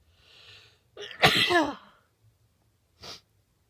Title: powerful sneeze